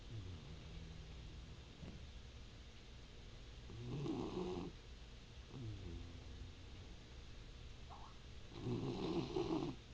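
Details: Two rough, rattling snores about five seconds apart, each on a breath, with quiet breathing between them; ordinary snoring.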